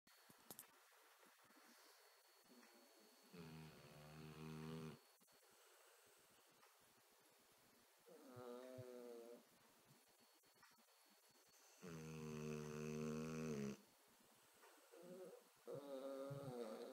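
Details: Snoring in harmony: long, rumbling, buzzy snores on breathing in, repeating every few seconds with quiet gaps between; loud snoring.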